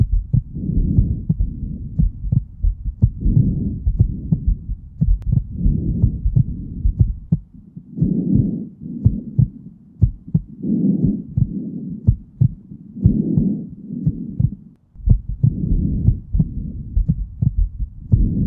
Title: hearing rainbow dash's heartbeat and breathing